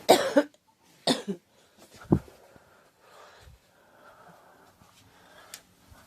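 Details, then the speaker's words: Girl who thinks she is getting a cold, with a scratchy, sore throat; three short harsh coughs in quick succession then quiet breathing: dry irritative cough. "I think I'm getting a cold or something, but I need a drink. Excuse me. Yeah, my throat's been kind of scratchy and it's kind of sore."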